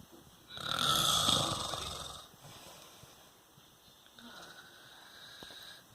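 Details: Father snoring during sleep: one loud, rough, rattling breath lasting about two seconds, then quieter breathing.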